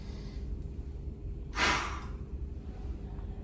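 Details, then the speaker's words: A single sharp, forceful blow of about half a second into a peak flow meter after a deep breath. The reading is 450, within the stated normal range of 400–700. "So uh next you need to take a deep breath seal your mouth at the mouthpiece like this and blow as hard as possible like this."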